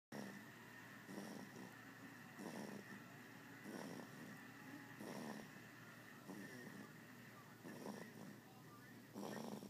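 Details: Person snoring: soft, rough breaths repeating about every second and a half over a steady background hum; light snoring.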